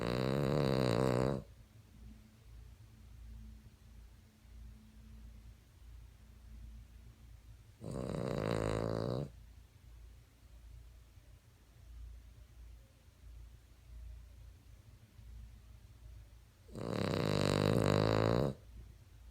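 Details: Sleeping Cavalier dog snoring: three loud, rattling snores roughly 8 seconds apart, about 8 breaths a minute, with softer breathing between.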